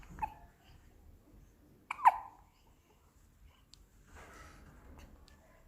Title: Baby Kiwi at Day 12 - Full of Hiccups